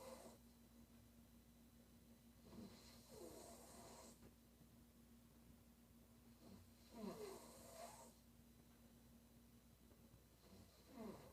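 Loud rattling snores recur about every four seconds on inspiration, roughly 15 a minute, with a steady hum in the room.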